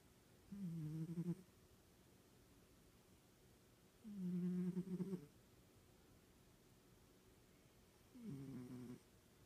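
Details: Snoring during sleep: three low, rumbling snores about four seconds apart, roughly 15 breaths a minute, over quiet room hiss.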